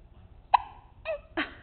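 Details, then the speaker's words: Baby's hiccups while his father talks to him: three short, abrupt voiced catches about half a second apart; typical harmless infant hiccups. "too much talking give you the hiccups how'd you get those you get excited do you get excited to talk do you have too much to say"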